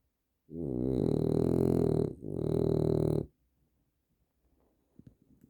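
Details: Heavy, frequent snoring from a sleeping, exhausted subject.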